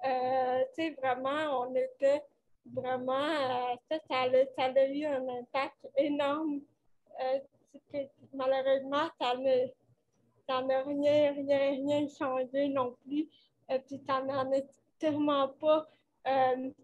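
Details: Dysarthria from cerebral palsy in a 29-year-old woman, caused by lack of oxygen at birth; she appears to mention speech difficulties; real conversational French speech.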